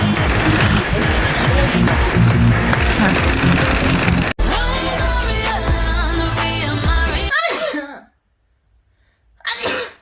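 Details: Young Chinese woman with allergy: a sharp wet sneeze burst, a brief pause, then a second sneeze, after loud music.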